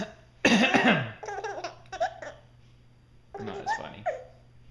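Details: One forceful adult cough, followed by a young child's bursts of giggling laughter.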